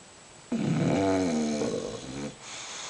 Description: Bulldog Snore By ZEUZ in the kitchen